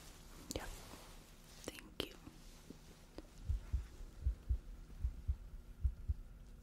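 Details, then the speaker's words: Heartbeat heard through a stethoscope over the chest in a simulated hospital role-play: low soft thumps at roughly 75–80 a minute after early rubbing noise, before deep breaths. "Your chest sounds clear."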